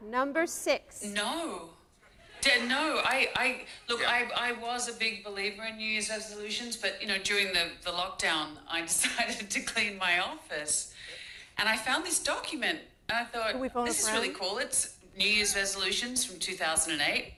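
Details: Dysphonia in a female celebrity who is clearly sick; the voice is pitched a little higher than her normal voice, and the clip was possibly recorded super early in the morning.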